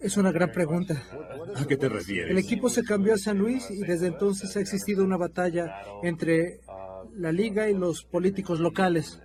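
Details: Adult speaker, Spanish; normal speech.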